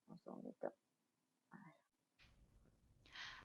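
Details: Patient with haemorrhagic vocal fold polyp on the left fold, oedematous lesion on the other side and incomplete glottic closure; noisy, rough voice with two simultaneous tones and somewhat abrupt onset; dysphonia with roughness and diplophonia.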